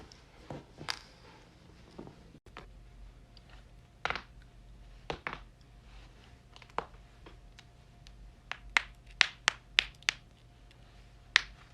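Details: Cracking joints compilation of the neck and back: sharp, dry pops and clicks in quick bursts.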